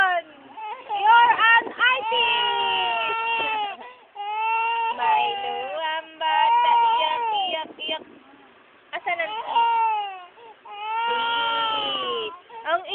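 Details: Sustained wailing cries with rising and falling pitch and brief catches of breath between bursts; a young child crying.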